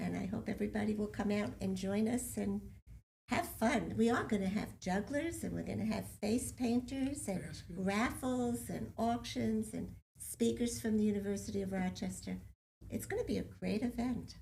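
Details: Adult speaker; typical speech.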